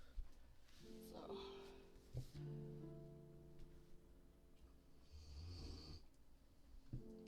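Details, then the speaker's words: A pet dog snores in the background during a live stream of paint-by-numbers; the snores are sometimes loud and sometimes quiet. "you hear my dog snoring in the background sorry about that"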